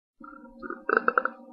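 A short, low, gurgling burp with a few pulsing bursts toward the end; an ordinary belch.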